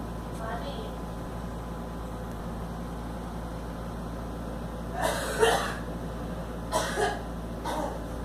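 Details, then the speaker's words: Girl coughing: steady background hum, then three hard, harsh coughs in two bursts, the first pair strongest; she coughs so hard she vomits. "That was so hard she pukes."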